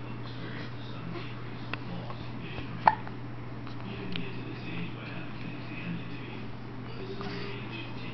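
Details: Infant with hiccups: two clear, soft, sharp hiccups and a few fainter ones over a steady low hum.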